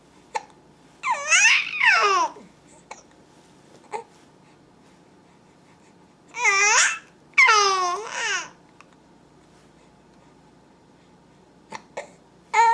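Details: Infant starting to vocalize: brief sharp catches break up cooing and giggly babbling over a quiet room hum; hiccups.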